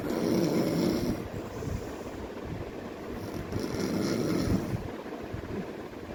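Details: An infant snoring with low, rattling sounds on about two breaths, set against a steady background hum.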